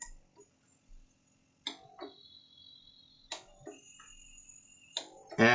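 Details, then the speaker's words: A Covidien 700 Series SCD compression device running its T2 function check and burn-in test: quiet clicks, brief hisses and faint steady tones as the motor spins up and the pressure relief valves cycle. "so you can hear the motor start spinning up and it's working the the pressure relief valves and it's also working the motor at different"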